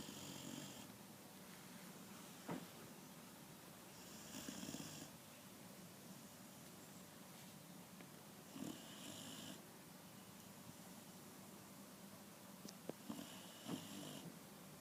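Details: Sleeping dog snoring: regular breaths, each with a hissing, rattling edge, about four breaths in fifteen seconds; ordinary sleep snoring.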